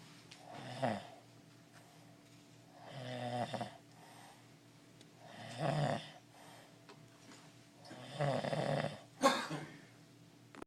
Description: My uncle snoring! Lol